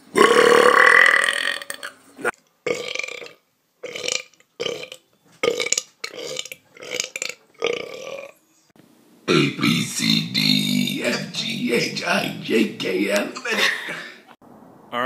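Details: Compilation clip: a run of loud, deliberate belches, some long and drawn out, with a few words spoken around them: voluntary burping.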